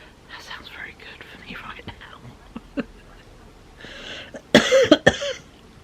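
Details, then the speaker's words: Adult with a cold that went to the chest, coughing so hard they were sick several times, with a wheezy, tight chest after sleeping sitting upright: chesty cough. "I could not stop coughing so yeah ended up being sick a few times um and I have slept here in the living room set up straight and yeah my chest is quite Wheezy and quite tight"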